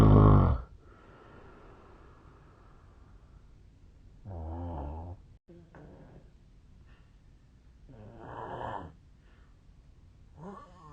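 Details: Real snoring recording of a Japanese sleeper, made 8 years earlier when thinner; sleeper suspects a long-standing sleep disorder. Deep, rumbling inspiratory snores every few seconds with quieter breathing between.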